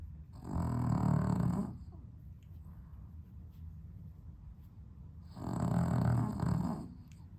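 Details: Dog with sleep apnea, somewhat improved on heart medication, sleeping on a hot 32°C day without air conditioning: loud rattling snores roughly four seconds apart, separated by quiet stretches.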